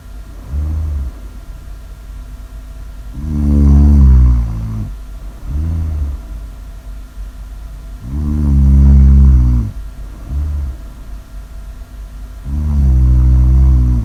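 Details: Loud, deep, rumbling snores in a steady rhythm, short and long sounds alternating, about 13 breaths a minute; snoring.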